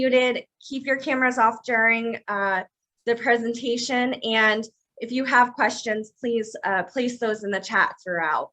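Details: Adult woman; normal speech.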